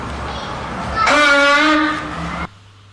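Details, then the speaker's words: Chronic honking cough in somatic (functional, psychogenic) cough syndrome: a single loud, tonal, goose-like honk lasting about a second over room noise. "طيب اي واحد عنده شورت لاود هونكينج كاف يبقى عنده سايكوجينيك كاف؟ بالتاكيد لا."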